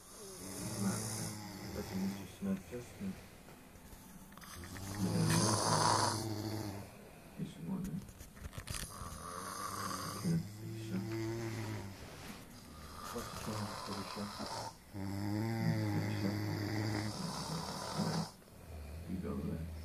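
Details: Two sleepers snoring together in a snoring competition, with loud, rattling, overlapping snores that rumble on each breath in; ordinary snoring.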